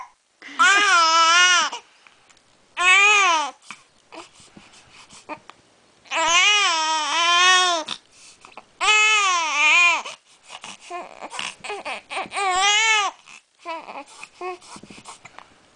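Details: Infant crying, described as crying and snorting (titled "Hiccups Machine"): loud, high-pitched wailing cries in repeated bursts of about a second, separated by short gasping breaths and softer whimpers.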